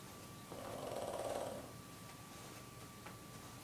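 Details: A female snoring in sleep: a single soft, rattling snore on an in-breath, then quiet breathing against steady room hiss.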